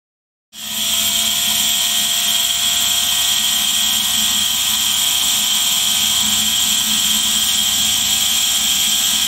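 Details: Steady, continuous mechanical hiss and hum of a running nebulizer compressor, unchanging throughout.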